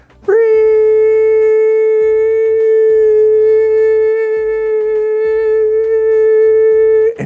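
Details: High-pitched whistling feedback from a hearing aid, the kind that others nearby can hear but the wearer may not notice.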